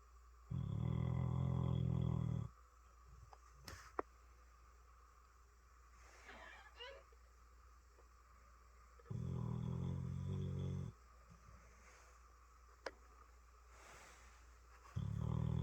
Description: Chester the dog snoring